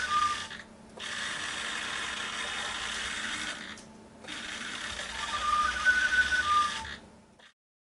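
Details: Whirring servo-motor noise in long bursts separated by brief pauses: a homemade DIY positive-pressure mechanical ventilator prototype cycling, with a servo-driven arm squeezing a bottle.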